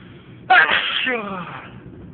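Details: Single loud, sudden induced sneeze trailing into a voiced, falling exhale; from a set of induced loud and stifled sneezes.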